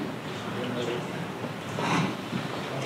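Hissy, blurred speech with no clear words: a simulation of how speech sounds through a cochlear implant.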